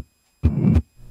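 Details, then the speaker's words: Simulated severe aortic stenosis on a male auscultation manikin, heard at the aortic area: a loud, harsh murmur lasting throughout systole, peaking late and ending at S2. "you can see the phono cardiogram of severe aortic stenosis simultaneously you hearing this sound as heard at the aortic area note that the murmur is throughout syy with late peaking ending at S2"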